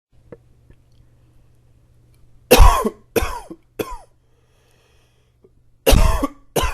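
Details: Adult with allergies flaring up gives about five harsh, dry coughs in two bursts over a faint low hum; repeated coughing.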